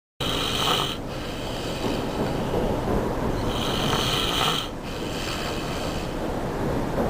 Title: Me Snoring at my friends house